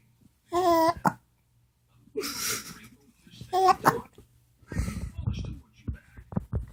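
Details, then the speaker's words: Infant babbling and vocalizing, interrupted by a few short, abrupt catches in the voice: baby hiccups. "Do you got the hiccups? Do you got the hiccups?"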